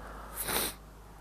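One brief, breathy sneeze burst against quiet outdoor background noise.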